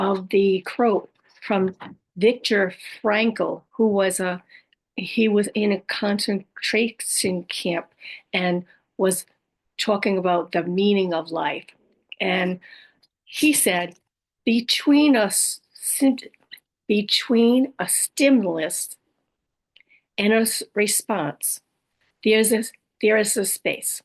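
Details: Adult woman with aphasia, apraxia of speech, dysarthria and other communication challenges after a stroke, who says her speech can be hard to understand; aphasia with apraxia of speech and dysarthria.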